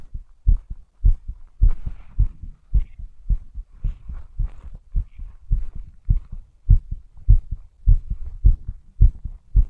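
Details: Strong, regular paired thumps at about 105 a minute; a fast, forceful heartbeat.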